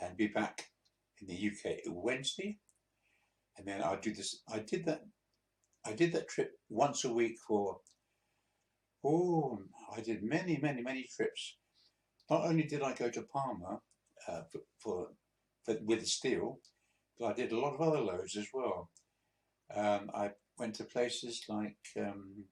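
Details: 82-year-old man, a few months after a mini stroke, in speech recovery, with hesitant speech; the finding is hesitant speech after a mini stroke.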